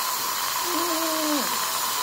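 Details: Contra-angle handpiece at 1500 rpm, torque 40, with irrigation, inserting an orthodontic micro-implant in the midpalatal area at 90 degrees to the palate; brief whirring motor tone rising then dropping off over hiss, then stopping.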